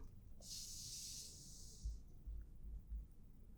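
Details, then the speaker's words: Simulated ASMR medical check-up roleplay: soft, high hiss for about a second and a half as air is released from a sphygmomanometer cuff via the valve, with low rumbling handling noise; blood pressure cuff deflation. "Okay, now I'm going to let the air release. All the way. There we go. Very good. Takes a few moments for all of that air to release from the cuff."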